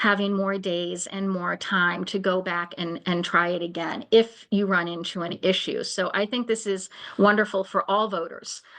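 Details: Adult woman speaking; ordinary speech.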